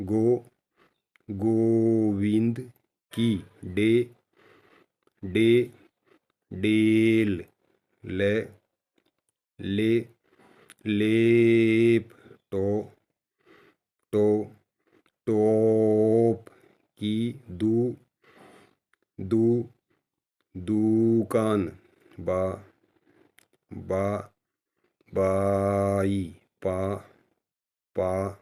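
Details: Deliberate demonstration of the bouncing fluency technique taught to people who stammer: first syllables repeated two or three times with pauses, nasal breaths between bounces, last bounce prolonged. Voluntary stuttering (bouncing technique).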